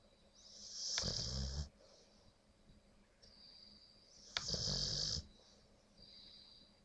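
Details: Dog-tired sleeping dog, who also passes gas, snoring: two hissing, whistling snoring breaths with a low flutter, separated by softer breathing.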